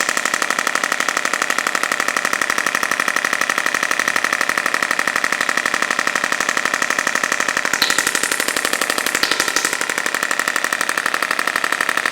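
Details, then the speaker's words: Radial shockwave therapy device firing rapid, regular pressure pulses at about four a second between the lumbar vertebrae, about a centimetre deep, in a woman with 5+ years of chronic lower back pain and reduced lumbar flexion; she reports soreness. "So if it can break a kidney stone deep in through your organs, it can certainly break a little bit of fibrosis and adhesion about an inch into the skin. Just working in between the vertebra."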